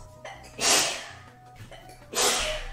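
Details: Intoxicated woman sneezing during a bath bomb video, part of a sneeze attack of about seven sneezes; others ask if she is allergic to bath bombs: two loud, hissing sneezes about 1.5 seconds apart, each after a short lead-in breath, with faint music.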